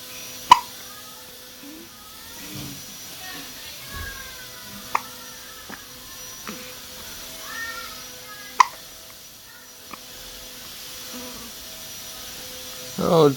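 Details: A days-old baby gives repeated sharp, brief hiccup clicks, about six over thirteen seconds at irregular intervals, with soft background voices and music; hiccups.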